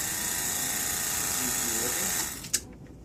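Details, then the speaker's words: Suction machine switched on and checked during a trach suctioning skills validation, before the suction catheter is connected: steady high-pitched hiss and whine, then it cuts off with a click. "and of course it's working connect the two just like that"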